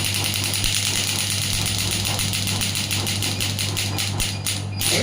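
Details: Physiotherapy pneumatic shockwave therapy device demonstration; rapid steady rattling pulses over a constant low mechanical hum as it fires continuously.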